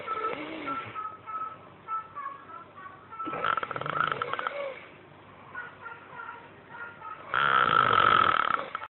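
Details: Loud rattling snoring about every four seconds, with softer breathing between and an abrupt final snore; children's TV (Elmo) audible in the background.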